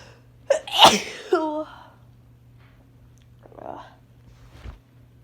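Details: Adult sneezing on day 3 of a cold, with sore throat: one loud, wet sneeze with indrawn breath before and brief voiced tail, then softer noises.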